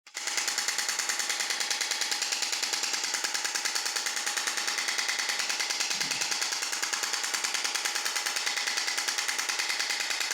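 Rapid, evenly spaced sharp clacking pulses, about 146 a minute, with a steady tone beneath; a shock wave therapy device running.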